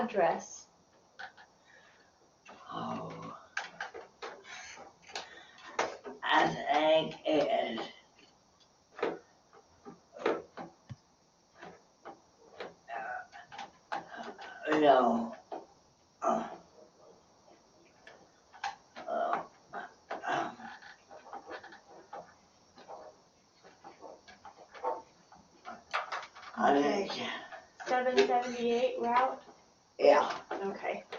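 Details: Woman with chronic severe Broca's aphasia, six to 12 months or more post onset, with limited to no functional speech, agrammatism and relatively intact comprehension, trying to give her address. Finding: Broca's (non-fluent) aphasia.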